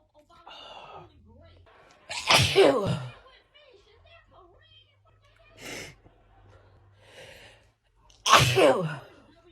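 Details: Woman with a seasonal pollen allergy in an uncontrollable spring sneezing fit: two loud sneezes with quieter breaths and soft voices between.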